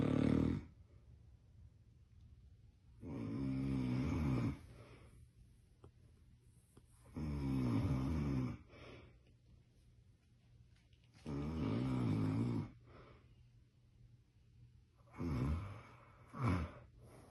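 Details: Yorkie puppy snoring loudly: regular rumbling snores with quiet pauses between, about 15 breaths a minute.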